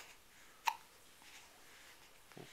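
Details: Hiccups in a 7-week-old baby girl who is holding up her head (bobble head) and showing her toes.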